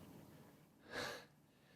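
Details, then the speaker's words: Aborted sneeze from an adult during a podcast: a single breathy, sharp intake of air builds and fades without the explosive burst of a sneeze. "hold on it's coming it was almost there then i lost it that's the worst"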